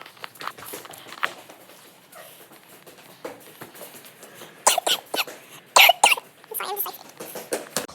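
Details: Coughing from a person playing at pretend horse riding around poles and barrels.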